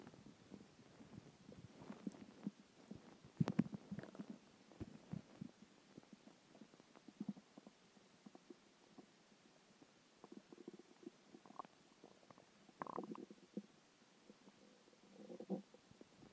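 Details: Hungry stomach growling after a skipped lunch: irregular low gurgles and rumbling bursts separated by quiet stretches, ordinary borborygmi (bowel sounds).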